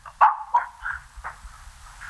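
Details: Bark-like vocal tic in the middle of an answer at a press conference, from a man with severe Tourette syndrome.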